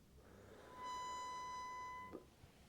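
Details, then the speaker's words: Harmonica-like whistle about a second long during too-fast inhalation through a valved holding chamber on a trainer MDI; slow inhalation makes no sound, so the whistle signals inhaled flow is too fast. "that's too fast. So the harmonica sound, if you're taking your breath in or if there's any kind of sound that comes from your um valve holding chamber or your MDI, which most times it won't come from your MDI, your valve holding chamber, if you hear a sound that comes from it, that's like a harmonica sound"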